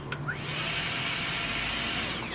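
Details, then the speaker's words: Motor whine rises quickly to a steady high pitch, holds, then winds down: Saeyang Marathon N7 brushed dental laboratory micromotor with SH37LN handpiece, speed set around 20,000 rpm, controlled by hand mode. "hand mod and how Lord you just speed this way and we put mod you set your speed so half about 20,000 rpm and as you slowly press down it will peak at the speed you've set there"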